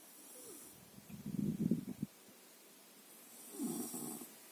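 Two rough, fluttering snores about two seconds apart: ordinary snoring from a sleeping animal.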